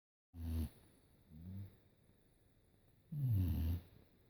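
Deep, rumbling snores, one loud and one softer, then another loud rattling snore; low-pitched noisy breathing during sleep.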